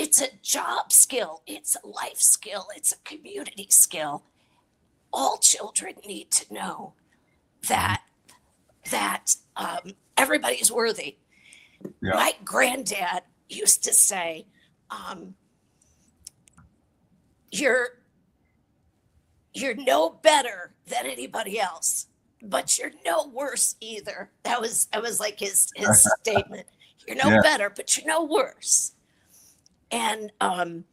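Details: Adult woman with a chronic voice disorder that took away her singing voice and makes speech hard. She is treated with Botox injected directly into the vocal cords every three months, and her voice worsens and improves around each treatment; spasmodic dysphonia.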